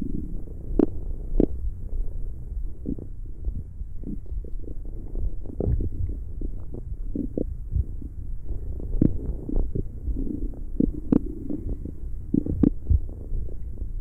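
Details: ASMR recording of stomach growling: low gurgling rumbles with scattered pops and squelches; ordinary borborygmi.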